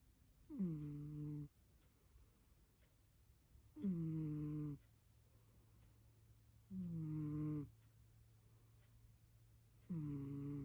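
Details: Four long, droning snores at regular intervals, about 19 a minute, in a quiet room: snoring.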